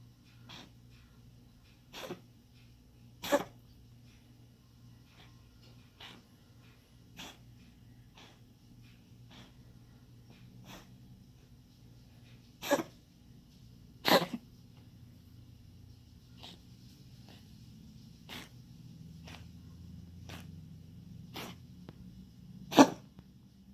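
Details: A pet gives about fifteen short, sharp coughing bursts spread over roughly 24 seconds: cough in an animal.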